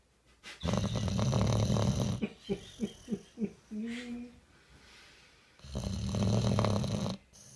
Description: Our bull boxer dog snoring his head off.